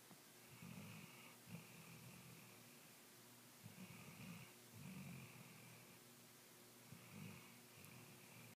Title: Buckley snoring